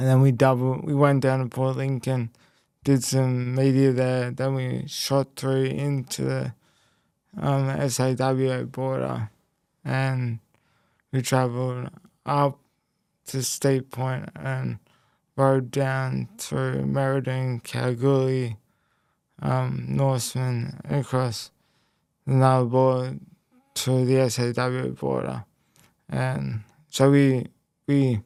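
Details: Speech impairment in a young man after a left-hemisphere haemorrhagic stroke at age 12, followed by a five-week coma, with right-sided body weakness; speech was the most affected area and had to be relearned.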